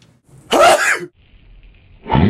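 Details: Man with seasonal allergies to ragweed, pollen, cats and dust, during allergy season, tries to sneeze with his eyes open: one sharp explosive burst, a short pause, then a second burst; sneezing.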